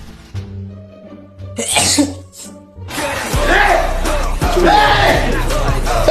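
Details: Sneeze: soft music, then a sharp burst of breath noise, a brief second puff, and loud crowd noise over music.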